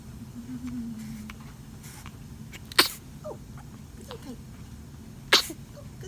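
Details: Two brief, sharp, hissing bursts about two and a half seconds apart over steady low room noise; small sneezes.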